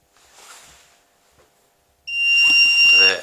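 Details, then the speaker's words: AED switched to child mode (for ages 1–8) and turned on with the green button in a defibrillator awareness demonstration: quiet handling, then a steady high electronic tone as voice prompts begin; AED power-on tone. "you would click it over to to a child you then switch the device on by pressing the green button"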